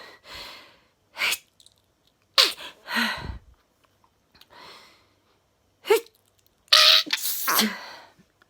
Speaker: i'm just the first test i'm just about to start sneezing oh my god oh getting a lot jar